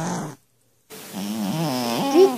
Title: Adorable Cats Snoring